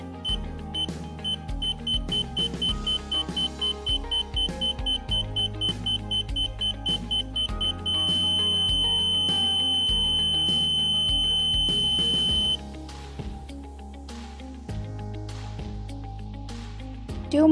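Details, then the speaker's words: Apex locator signals of a COXO C-smart mini AP endodontic motor as a file is slowly inserted into a simulator: rapid electronic beeping shifting to a steady continuous tone as the file nears the apex. "now the fire reaches different positions the swing colour is different and accompanied by different sound signals"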